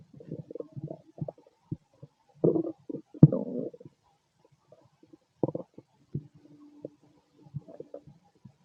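Irregular gurgling, squeaking and rumbling bursts with quiet gaps between; ordinary stomach growling from gas and fluid moving through the gut.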